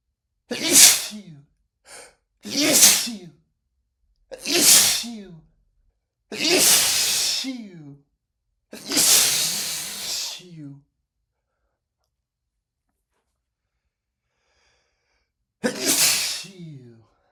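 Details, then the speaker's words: Repeated sneezing after cooking with lots of black pepper: seven forceful sneezes, each a sharp rush of air, spaced a couple of seconds apart. The sneezes are not rapid but persistent. "My pepper sneezes are not rapid at all, but they sure are persistent. They they just don't stop."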